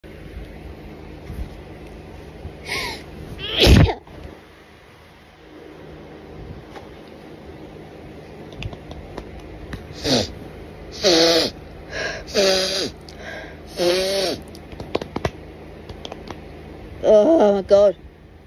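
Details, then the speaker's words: Sneezing fit at night, cause unknown and described as intense, possibly itchy: a run of about seven sneezes, some in quick pairs, in a quiet room. "You can hear me sneeze, but you can't actually hear me. Am I making that much of a scene?"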